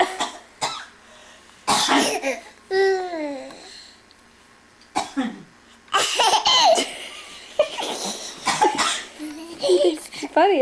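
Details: Grandmother coughing on request to amuse a small child: several short, deliberate coughs mixed with the child's laughter and playful vocal sounds; voluntary cough.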